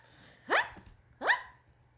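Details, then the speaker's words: Person with Tourette syndrome, diagnosed at 19, makes two loud, abrupt, bark-like vocal bursts about a second apart: simple vocal tics. "i was in my college dorm and i woke up from a nap and the weirdest thing happened i started making loud sounds"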